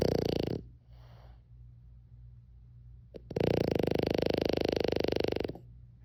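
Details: Loud snoring from a sleeping French Bulldog, likened to a grown man snoring.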